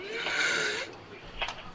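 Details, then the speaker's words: Snoring respirations in a man after suspected opioid overdose, given intranasal Narcan: a coarse, raspy, snoring-like breath with a faint wheezy edge as he struggles to breathe through a partly blocked airway. "Do you hear that like wheezing noise almost? That's him trying to breathe."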